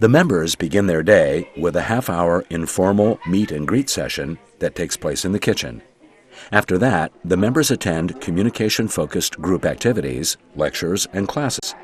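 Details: Adult male narrator; normal speech.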